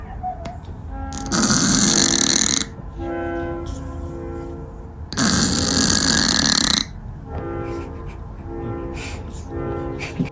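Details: Loud, rasping snore breaths from a sleeping cat mid-nap, with soft music underneath.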